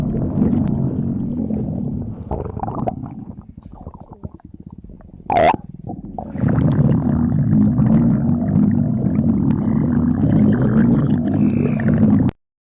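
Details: Deep, rolling stomach rumbles and gurgles with a stretch of rapid bubbling pops and one brief squeak; stomach growling (borborygmi).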